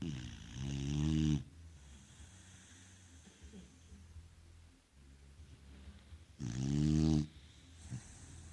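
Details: Sleeping beagle: two loud, rumbling snores about six seconds apart with quiet breathing between: snoring.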